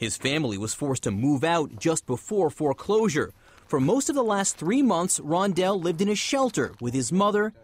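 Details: Adult narrator; ordinary speech.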